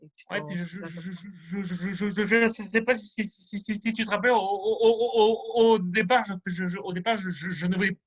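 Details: Male French speaker who stutters, rehearsing a semi-final speech in an eloquence contest; sound and word repetitions occur from time to time; stuttering.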